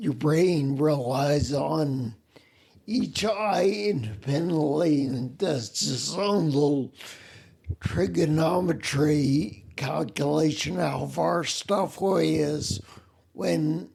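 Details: Man with spinocerebellar ataxia (SCA), a rare neuromuscular disease that also causes mobility problems, staggering and noise-induced anxiety; he reports a speech impediment with slurring that makes him sound drunk; ataxic dysarthria.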